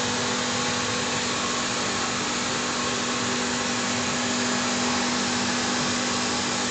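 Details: Steady loud whirring hum with a faint tone throughout from a reverse osmosis water treatment system running, built to AAMI standard for hemodialysis.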